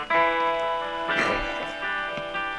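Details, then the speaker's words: Studio recording of a guitar intro in which a guitarist, reportedly a chronic smoker, coughs; a single brief, harsh cough bursts out partway through a quiet guitar passage. Cough. "During the intro, you can audibly hear coughing, apparently because he was a chronic smoker."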